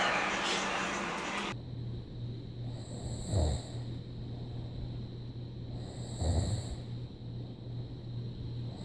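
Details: After a brief burst of music, a man gives two low rumbling snores about three seconds apart over a steady room hum, after denying that he snores: ordinary sleep snoring.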